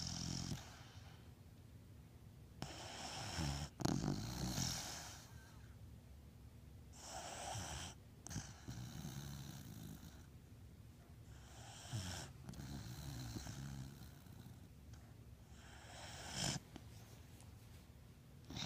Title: Beagle snoring pt 2